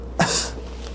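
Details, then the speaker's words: Physician imitating the abrupt, harsh choking cough of palatal weakness, which comes with nasal speech and tongue weakness; this raises concern for motor neuron disease. "and if I if my palate doesn't move normally you'll begin to hear a nasal sound like this and furthermore the patient will be coughing"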